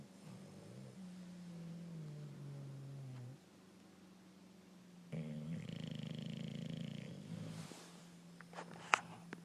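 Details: Sleeping bulldog snoring: low droning snores with a louder, rougher burst midway over faint room noise.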